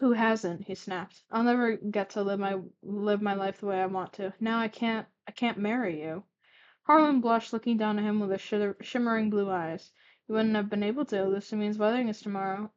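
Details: Stuttering while reading aloud when very tired, with word and phrase repetitions.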